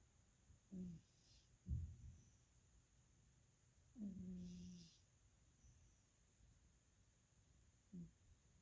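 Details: A pet's breaths carrying short, low, tonal whistling squeaks from narrowed airways; wheezing.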